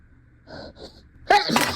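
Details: Acted scenario: two quick catching inhalations build into a loud, explosive sneeze, triggered by perfume in a museum.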